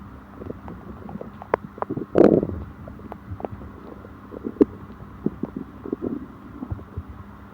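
Irregular gurgles and bubbling rumbles with a louder churning burst, typical stomach growling from gas and fluid moving through the gut.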